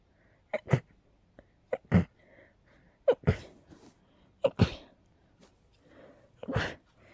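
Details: Sneezing fit in a person with a cold and allergies, recurring every couple of hours: five forceful sneezes in quick succession, each with a sharp intake of breath before it.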